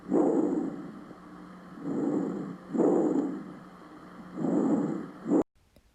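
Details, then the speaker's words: Bronchial breath sounds heard anteriorly over the trachea: loud, harsh, high-pitched, hollow breathing in both phases. "murmullo bronquial sonido de tono agudo intenso y áspero se localiza en la región anterior sobre la tráquea"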